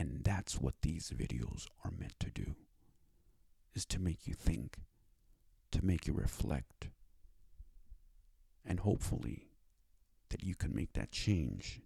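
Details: Adult male with cerebral palsy and a self-described speech disability, who needed five years to obtain speech therapy; dysarthric speech in cerebral palsy.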